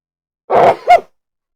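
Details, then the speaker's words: Single quick two-part adult sneeze: a breathy rush of air, then a short, sharp voiced snort, then silence: sneeze. "That's the proper way to sneeze. I don't know the proper way to sneeze."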